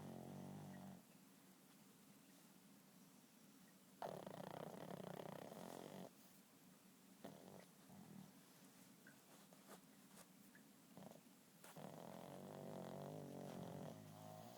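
Raspy, fluttering snores come in several long bursts with noisy breathing in between. Typical of a flat-faced dog's snoring.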